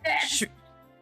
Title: The Sneeze Scare